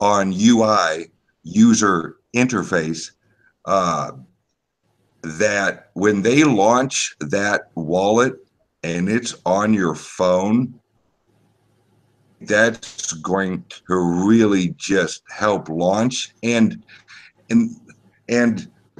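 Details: Self-reported speech impediment of unspecified type in a man; disfluent speech; speech impediment.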